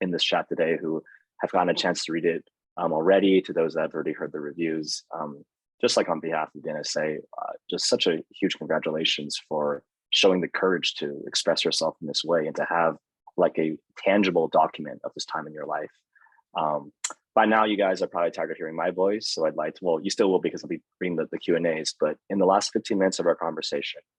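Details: Adult speaker; normal speech.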